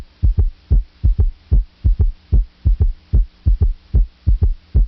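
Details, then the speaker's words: Regular low heart sounds with an extra early-diastolic thud after the second sound, a galloping three-beat rhythm: S3 gallop from rapid ventricular filling. "An S3 occurs in early diastole during rapid ventricular filling. As blood rushes into the ventricle, it suddenly decelerates when the ventricle reaches its [ __ ] ass expansion limit."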